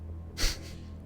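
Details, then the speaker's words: Roommate sneezing: a single faint, distant sneeze burst over steady low background music. "I don't know if you can hear my roommate sneezing. He just sneezed like 9 times."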